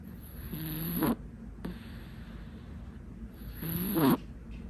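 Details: Kitten snoring while asleep: two soft, rasping snores, each building over about half a second on inspiration, with a faint snort between.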